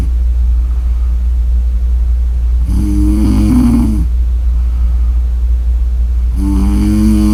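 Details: Snore audio: two loud, rough, buzzing snores on in-breaths over a steady low hum of room noise; snoring.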